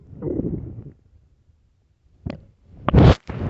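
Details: Low rumbling gurgles, then a pause and a louder burst of growling from an empty, hungry stomach; stomach growling (borborygmi).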